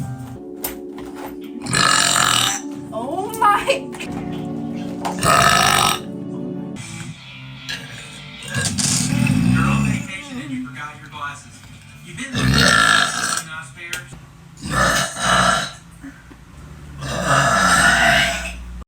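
Several loud, drawn-out belches mixed with talk over background music; repeated burping.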